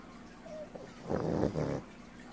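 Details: Snoring from a pug sleeping on its owner's lap: one short, low, rattling snort-like breath, a loud flat-faced dog snore.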